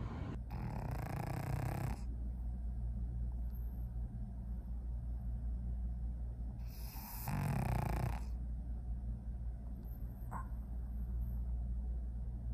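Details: Very loud snoring from a sleeping pug, described as like a jackhammer: rough, rattling snores with steady low rumbling between louder snorts.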